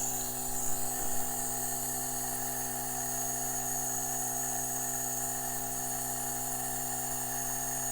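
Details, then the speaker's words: Nebulizer compressor switched on and running, putting out a little mist of nebulized iodine, hydrogen peroxide and water for breathing in; steady mechanical hum and buzz of the compressor. "we're going to turn on the power read your minds on the side and immediately it starts putting out a little steam really little nothings not picking it up as well as I'd like but you can kind of get an idea of it"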